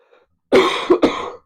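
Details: Two loud, harsh cough bursts in quick succession in a quiet room, a single coughing bout during a live online Q&A.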